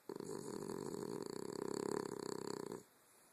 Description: My dog Leo snores.